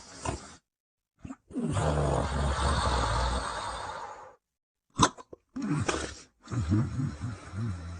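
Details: Loud, deep, rumbling, drawn-out snoring breaths with irregular pauses while sleeping.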